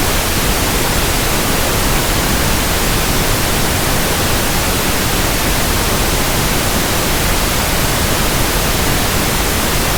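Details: Simulated tinnitus: steady, even hiss of pink noise for matching against ringing or buzzing ears.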